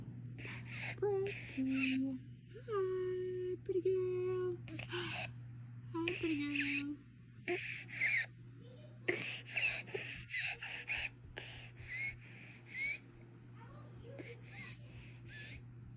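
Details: A young child, before her tracheostomy, breathes with harsh, high-pitched crowing stridor and noisy, effortful gasps between the sounds.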